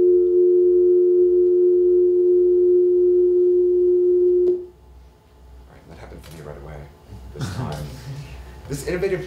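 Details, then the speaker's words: Amplified recording of a person's distortion product otoacoustic emissions from the inner ear, played as a sound-art excerpt: steady pure tone about four seconds, then room noise and faint talk. "which enables listeners to hear both the actual sounds of ears and their own otoacoustic emissions. In essence, to listen to labyrinthitis is to hear your hearing along with his as it is happening."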